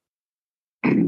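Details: Vocal tic in an adult male police officer with Tourette syndrome; tics include noises and an arm-stretching tic, preceded by a premonitory urge.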